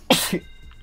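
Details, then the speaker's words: A single sneeze from an adult, who calls it the goofiest sneeze they have ever heard. "Oh, why do I sneeze like that? That was the goofiest fucking sneeze I've ever heard."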